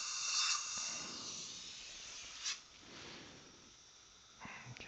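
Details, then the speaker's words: One week post-op appointment, lab repair of a fractured upper all-on-4 fixed implant-supported prosthesis: bursts of sharp hissing air from a dental air syringe, loudest at the start, fading softer, drying before condensation. "all right so just uh drying off and I need the air syringe"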